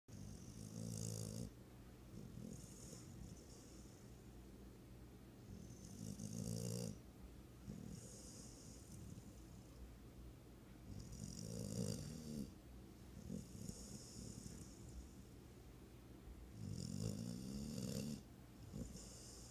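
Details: Snoring during sleep: loud rattling snores recur every five to six seconds, about eleven a minute, with quieter breathing between them.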